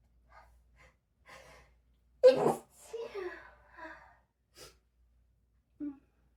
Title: Seven sleepy sneezes and a powerful nose blow #sneeze #sneezing #noseblow